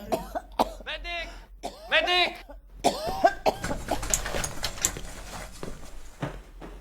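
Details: Acted cough by an actress during a filmed scene, demonstrating different kinds of cough on direction.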